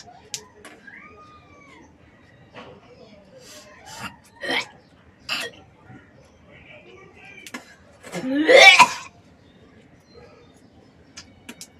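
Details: Morning hawking and coughing on waking: scattered short coughs and throat clearing, then a long harsh hawking effort; wet, phlegmy productive cough bringing up thick mucus and spit.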